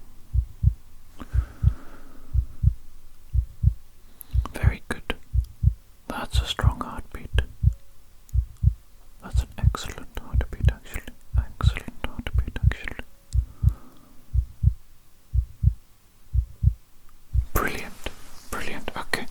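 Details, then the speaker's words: Steady, regular low thumps at about 60 beats a minute under soft whispering; simulated stethoscope heart auscultation in a roleplay physical exam, normal heartbeat. "okay now then going to listen to your heartbeat first of all let's do that shall"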